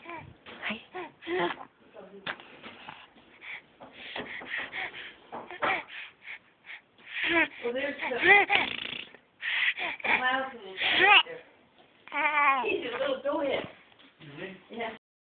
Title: Baby giggles and hiccups